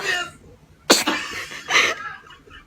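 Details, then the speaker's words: Two short, sharp sneezes from an infant, with adult voices saying "bless you" around them. "Ay, ay, ay, esos estornudos."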